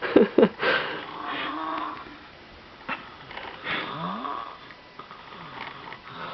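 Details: Sleeping baby snoring: snuffly, squeaky breaths with an uneven rhythm, ordinary harmless infant snoring.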